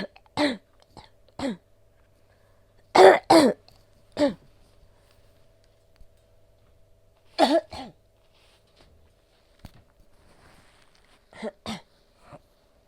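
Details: Adult woman with COVID-19 caught from her child, sore throat and large amounts of sticky phlegm, coughs repeatedly in short paired bursts with throat clearing; productive cough.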